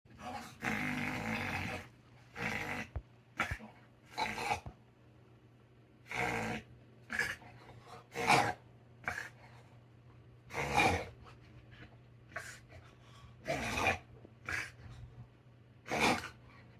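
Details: Dog at 2:48am making repeated harsh, snorting breaths in short bursts; the owner suspects a reverse sneezing episode.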